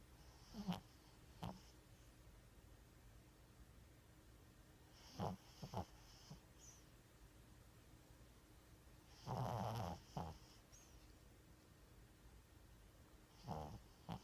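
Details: A toothless 14-year-old Chihuahua snoring in his sleep: soft snorts and brief snuffling snores every few seconds, each followed by a short puff, over a quiet background hum.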